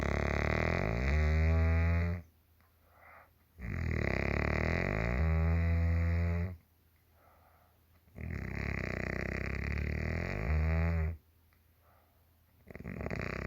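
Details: Loud, rattling snores from a mother, each lasting about two seconds, three breaths in fourteen seconds, with quiet exhalations between; heavy snoring during sleep.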